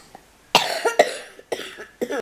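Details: Three short, harsh adult coughs in a quiet room, each a sharp burst trailing off, from someone who is ill, during a bedtime reading of the children's tale Barmaley; ordinary cough.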